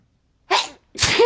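A quick breathy intake followed by a sharp, explosive burst: a single sneeze.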